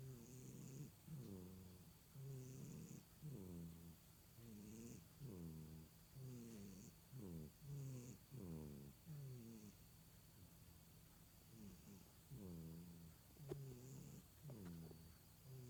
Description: (CHARA) taking a cat nap and snoring